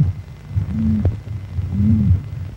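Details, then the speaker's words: Educational film. The heart of a child recovering from rheumatic fever after an untreated sore throat is auscultated: low heart thumps with a humming, whooshing murmur from faulty valve operation; rheumatic heart murmur. "faulty valve operation gives the Romantic heart a characteristic sound called a murmur"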